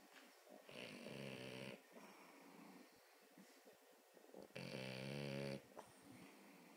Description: Dylan our snoring French Bulldog